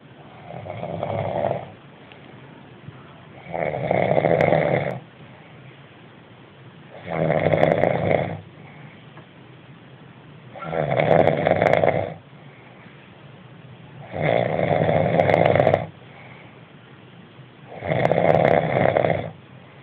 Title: The big snoring